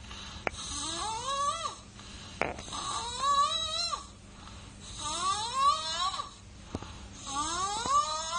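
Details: Infant snoring: repeated squeaky, rising, high-pitched noisy breaths about every two seconds, with faint room noise.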